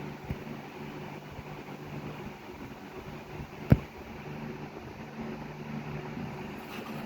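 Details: Patient receiving oral placement therapy for speech unclearness, feeding difficulty and oral sensory issues: steady low motor hum with one brief click from a vibrating pen used as oral sensory stimulator.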